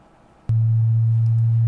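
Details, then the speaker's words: Simulated pure-tone hearing test in an ASMR role-play, the listener raising a hand at each beep. A steady low pure tone starts abruptly after a click and holds. "Yeah, so essentially what I'm doing on my tablet is hooked up to the computer that is disseminating the beeps, and I have this little clicker."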